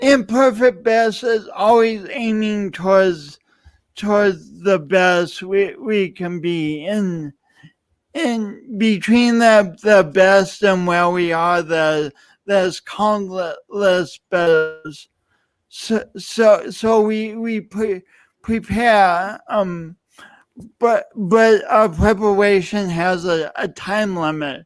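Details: Dysarthric speech in an adult man who lost oxygen at birth, with a pronounced lifelong speech impediment and an unusual gait.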